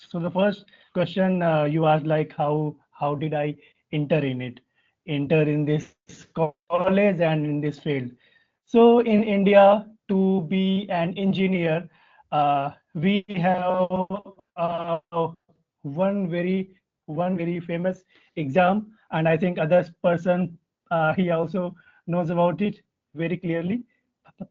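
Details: Adult man from India with real, persistent stuttering that began in early childhood, around class one or two, and still affects his speech in meetings; finding: stuttering.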